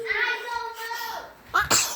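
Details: Child sneezes right onto another person's face: a drawn-out vocal tone, then a sharp double-burst sneeze, with laughter and talk around it.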